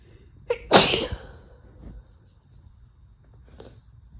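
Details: Sneeze from a female: a quick in-breath, then one loud, hissing sneeze and a faint sniff; the clip is spliced from single and double sneezes because a full fit could not be induced.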